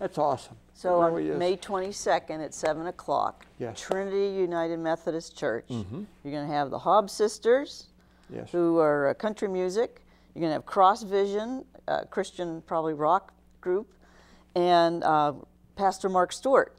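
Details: Adult speaker; typical speech.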